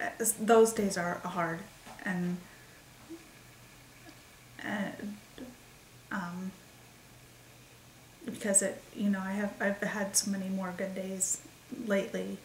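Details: Woman with expressive aphasia since December 28, 2012, believed caused by a migraine that also triggered a seizure; word-finding difficulty, halting speech with repetitions and fillers; expressive aphasia.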